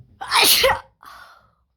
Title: Wet Wide Nose Sneezes Africa.